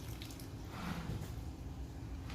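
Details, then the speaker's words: Senior Paso Fino mare with suspected mild choke: soft wet squishing and dripping as fluid returns from the stomach through a nasogastric tube, confirming tube placement. "well there's a real positive indicator that we got to her stomach"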